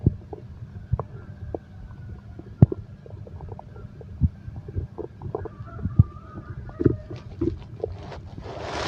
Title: insomnia terapi ( sound heartbeat and stomach growl)